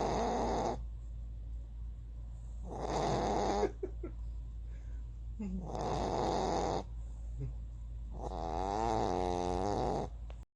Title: Lily the snoring dog